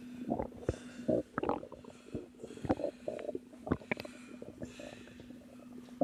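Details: Woman about three months pregnant, relaxing and noting discomfort but no pain: irregular gurgles, squeaks and short bubbling pops over a faint steady hum; normal stomach growling (borborygmi).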